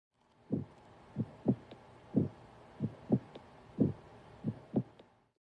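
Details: Low, soft heart thumps heard through a stethoscope during a medical student's demonstration of basic cardiac auscultation, repeating in a slow, fairly regular pattern over a quiet hiss: heart sounds.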